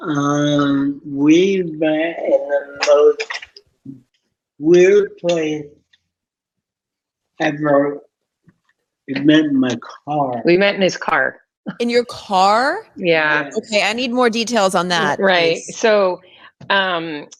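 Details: Adult man born with cerebral palsy from lack of oxygen at birth, uses a wheelchair with reduced motor function, self-rated CP severity about 5–7 of 10, with a big speech impediment hard to understand especially by phone; dysarthria.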